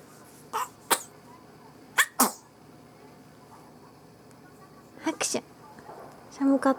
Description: 生後３週間。まだふにゃふにゃなのにくしゃみは豪快！笑